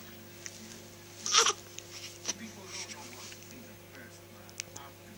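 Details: Hiccups of a newborn baby aged two and a half weeks.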